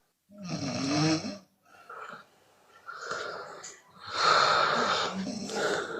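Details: Open-mouth snoring from a Chinese woman: loud, rough, noisy vibrating breaths on both the in-breath and the out-breath.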